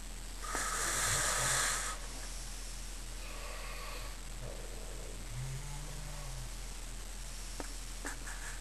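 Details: Adult man, described as fat, sleeping on the lower bunk in a youth hostel, audio only: harsh, whistling snores followed by softer snorting breaths over a steady low hum; loud snoring.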